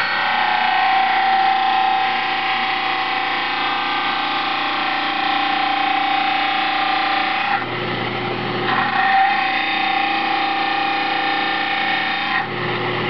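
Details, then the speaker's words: Lower dental stone model, soaked beforehand, ground on a basic water-cooled model trimmer: a steady loud motor whine with harsh grinding that changes pitch with pressure as the base is trimmed evenly. "You'll see it's starting to grind off the bottom of the model very evenly and uniformly. The more pressure you apply, the quicker it will grind off."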